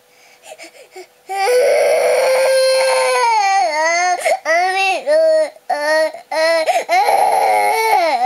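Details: Loud, sustained wailing cry with sobbing breaks from a 2-year-4-month-old girl on a day of frequent crying after waking early; cause unknown, parents guess teething, a nightmare or cold.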